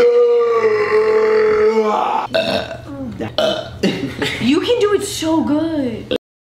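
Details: Man burping after eating, as he says he ate right before: a long, drawn-out voiced belch, then several shorter, rougher burps in quick succession.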